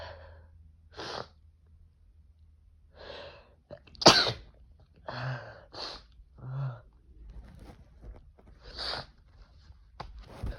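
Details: Adult male's several sharp, forceful induced sneezes, some preceded by catching inward breaths, in a quiet room; he is congested and inducing with toilet paper.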